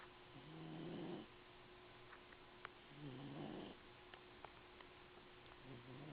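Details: Male cat sleeping in a box and snoring: soft, rhythmic low snoring breaths, about two in six seconds, with faint clicks and room noise.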